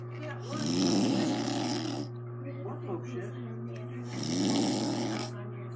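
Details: Loud, rough snoring from an adult woman (the recorder's mother), described as habitual heavy snoring: two rough snoring breaths a few seconds apart over a steady background hum.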